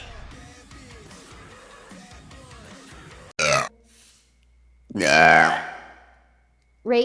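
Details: Female streamer: two loud, drawn-out voiced belches after talk over music, a third starting at the end: burping.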